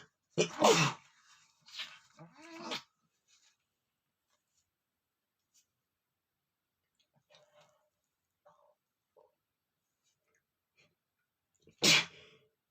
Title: sneezing male #5 (powder sneezing)